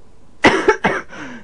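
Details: Persistent, terrible cough from an adult lying down in a retirement village: a burst of three quick, harsh coughs in a row, the last trailing off.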